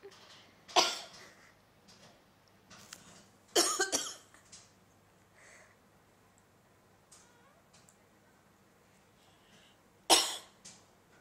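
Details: Cat making meow-like sounds in her sleep in response to owners' coughing; clip holds about four sharp, dry coughs in separate bouts with quiet room noise between.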